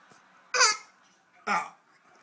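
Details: A child gives two short, sharp coughs in a quiet room.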